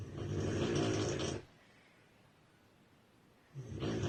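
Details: Female sleeper snoring heavily: a loud, rough snore on inhalation, then a quiet pause of about two seconds before the next snore begins; snoring.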